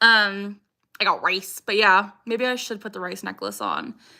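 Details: Young woman with Tourette syndrome; vocal tic "I got rice" heard during casual talk; vocal tic (Tourette syndrome).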